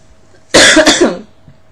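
A single loud, harsh cough with a double burst, from an adult with a cold, in a quiet room.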